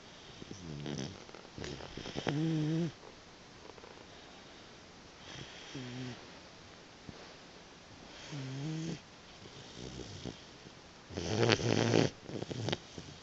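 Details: Boxer puppy snoring while napping: loud, rattling snores in irregular bursts with quiet breathing between them.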